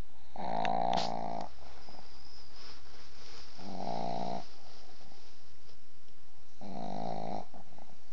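Three loud, rattling snores with quiet pauses between them, about 22 breaths a minute, in a small dog; noisy snoring typical of flat-faced breeds.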